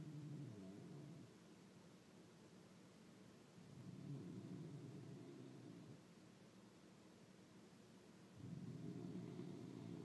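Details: Snoring.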